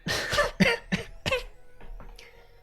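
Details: Four harsh, loud coughs in quick succession, then two softer throat sounds, from an adult recovering from an illness who says they are likely no longer contagious and not bringing up phlegm.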